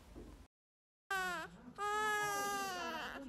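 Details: Newborn baby girl delivered by cesarean, crying: brief high-pitched wails after a moment of silence, a short cry and then a longer sustained one.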